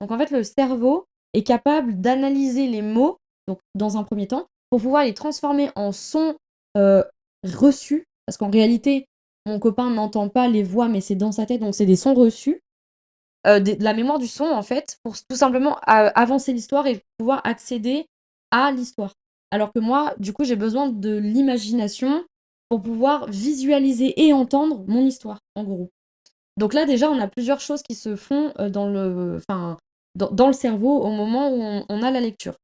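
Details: Woman who stutters, saying she stutters a lot at present because of heavy fatigue, with word repetitions heard; stuttering.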